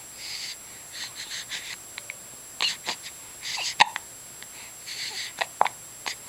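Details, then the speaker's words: Soft breathing and small noises from an infant boy broken by several abrupt, sharp little catches over steady room hiss; infant hiccups. "got the hiccups. You got the hiccups, buddy?"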